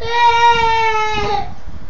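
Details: A young child's sustained, high, tonal wail that slides downward and fades, crying and begging for an older sister to come out; an ordinary child's cry.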